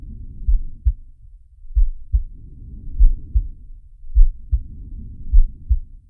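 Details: Heartbeat with breathing from the Zig & Sharko animated cartoon (Sharky): steady paired lub-dub heart sounds, about 50 beats a minute, with soft breath noise between them.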